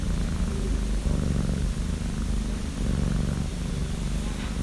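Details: Sleeping cat snoring: steady, low, rumbling breaths rising and falling in slow cycles, close to a purr; she sleeps most of the day.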